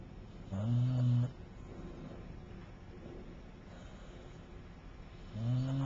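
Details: Gentle snoring: two soft, low, humming snores a few seconds apart over steady room noise; snoring.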